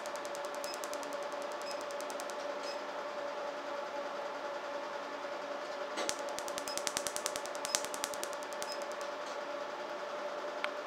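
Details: Bursts of rapid sharp clicks and snaps over a steady hum; RevLite SI laser pulses during a patient's tattoo removal treatment.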